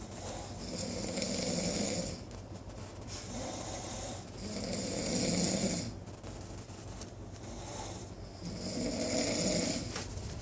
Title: Battle Of The Snores